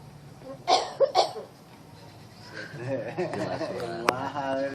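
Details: Myna bird (beo) coughing: two or three short, sharp cough-like bursts followed by whistled and squeaky calls.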